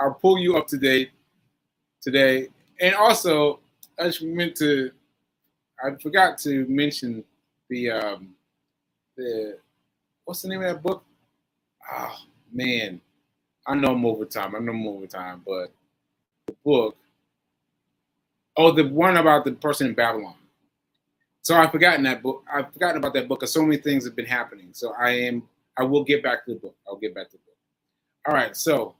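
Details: Aphasia with word-finding difficulty in a man almost one year after a stroke on 7/14/22; this stretch shows word-finding pauses and fillers.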